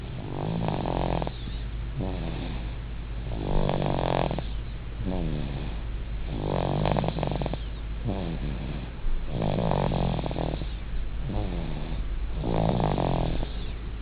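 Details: 8-month-old baby asleep, with regular rattling snores on each in-breath at about 20 breaths a minute: infant snoring.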